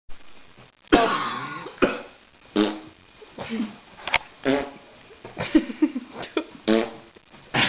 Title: Canine Sneezes